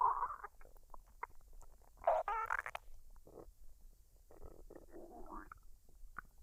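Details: Woman digesting a dinner of fried rice and duck, unedited with no artificial sounds or talking: soft gurgles, squeaks and bubbling rumbles come and go irregularly over a quiet background. Normal bowel sounds (borborygmi).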